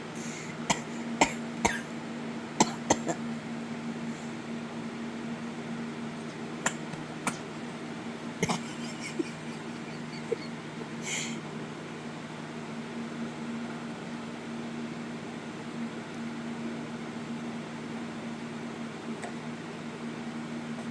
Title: He learned how to *FAKE COUGH* he's so funny!!!